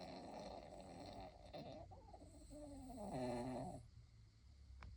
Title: This is a ridiculous amount of snoring